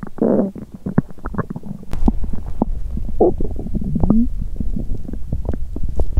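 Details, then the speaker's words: Bowel sounds after exercising on an empty stomach, with nausea and cramping abdomen: loud, continuous low rumbling with bursts of gurgles and squeaks, vigorous stomach growling. "Lúc đó mình có cảm giác bụng và ruột như quặn lại 😫! Vì thế mà âm thanh đường tiêu hóa trở nên ồn ào!"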